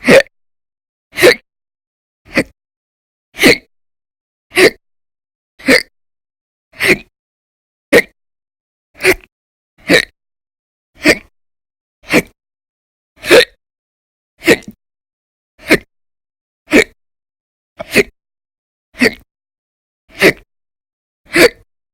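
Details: Persistent violent, very loud hiccups recurring for many hours daily in December 2019: sharp, brief gulping hiccup sounds repeating steadily, about 20 in 22 seconds, over silence.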